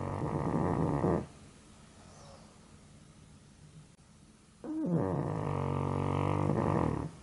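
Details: Pug napping and snoring as usual; it is sleepy but cannot sleep deeply because of its own snoring and difficult breathing. Long, loud, rough rumbling snores with a raspy fluttering quality. Snoring.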